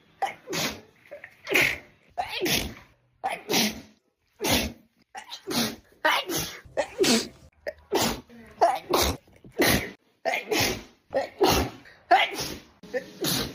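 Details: Sneeze compilation: about fifteen sharp, explosive sneezes in a row, each with a quick inhaled lead-in, roughly one a second.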